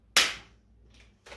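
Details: A single sharp snapping click from a spring-loaded Activator V chiropractic adjusting tool, then quiet and a faint second sound, during an Activator Method scan of an adult woman with a stiff right shoulder and knee after Zumba.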